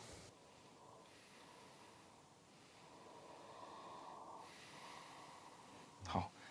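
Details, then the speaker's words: Normal breath sounds of an adult man recorded with an electronic lung-sound monitor, before he deliberately swallowed phlegm: soft, even, smooth breathing with no added sounds or abnormal noises shown. "他是刚开始这个他还没有故意吞痰的时候，其实这呼吸声音是相当平顺的，没有听到这个荧幕上面也没有呈现出这个异常的部分，就是杂音的部分。"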